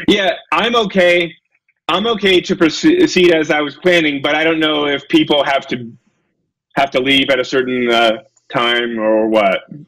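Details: Adult male lecturer who self-reports a speech impediment: he stutters and gets stuck on his words; stuttering.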